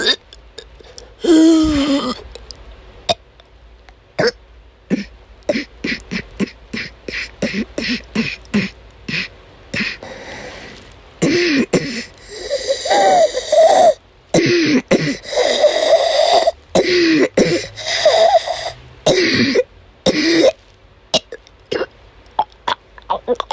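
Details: Adult woman with chronic migraine during an asthma attack: repeated short, harsh cough bursts alternating with strained, voiced gagging and retching; she could not stop coughing and vomited many times that day.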